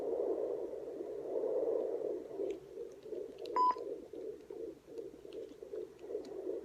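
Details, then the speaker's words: Fetal heartbeat on a handheld home Doppler with the mother lying back: rapid, rhythmic whooshing pulses and a brief device beep. Her baby's rate is usually 122, sometimes up to 170. "that's pretty much it her heartbeat is usually up to 122 sometimes 170"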